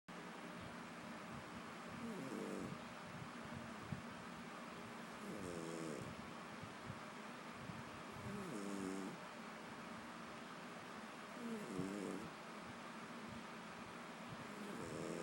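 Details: Five soft rattling snores at regular intervals, about 19 breaths a minute, over steady room hiss; ordinary snoring during sleep.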